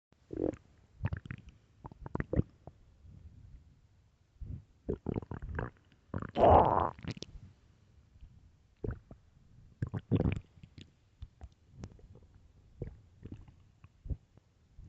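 Irregular gurgles, squeaks and rumbling growls from the abdomen, some loud, in a quiet room; ordinary hunger stomach growling.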